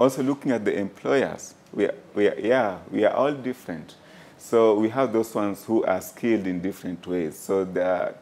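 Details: Adult man speaking; fluent speech.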